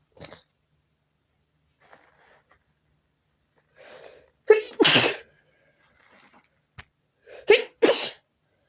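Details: Sneezing fit while trying to relax: a run of sharp, explosive sneezes, two pairs in quick succession with faint sniffs between.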